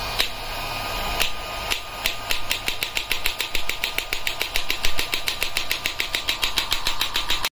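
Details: Biotronix electromagnetic shockwave therapy device, used for rehabilitation (elbow, knee, shoulder presets) and ED treatment, started by a switch on the handle: repeated sharp clacks that speed up to about 200 pulses a minute.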